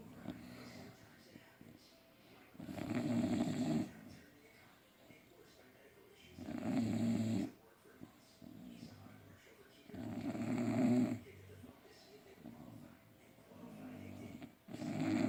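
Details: Sleeping bully-breed dogs with loud, rattling snores about every four seconds, around 16 a minute, softer breathing between; snoring.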